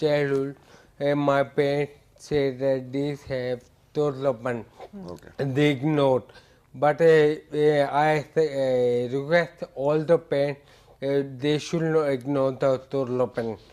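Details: Adult male with ataxia for about eight years, which impairs speech so it sounds like scanning speech per a neurologist; heavily slurred speech; ataxic dysarthria.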